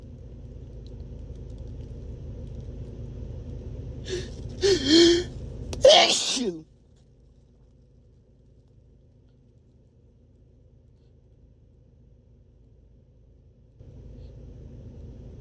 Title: Really Strong Sneezes